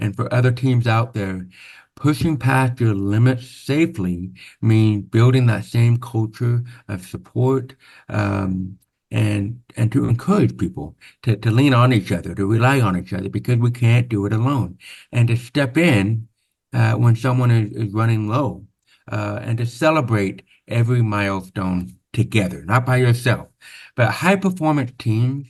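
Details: Adult man born with very severe to profound (about 90%) hearing loss, congenital onset, with over 13 years of speech therapy; real, not acted; deaf speech (hearing-loss accent).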